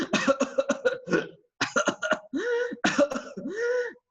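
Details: Adult simulates a pertussis patient's cough: rapid runs of short coughs, each run ending in a drawn-out crowing intake, the classic post-tussive whoop of whooping cough.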